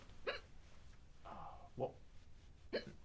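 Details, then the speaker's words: Woman repeatedly getting hiccups during a game; hiccups. "She's got the hiccups, hasn't she? Always getting the hiccups."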